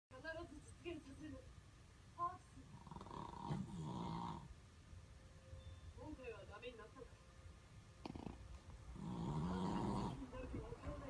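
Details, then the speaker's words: Sleeping Boston Terrier dog snoring: rough, rattling snores with noisy breaths in between, some room noise; ordinary snoring. "ケリーちゃん、ケリーちゃん、いびきうるさい。うるさいよ。"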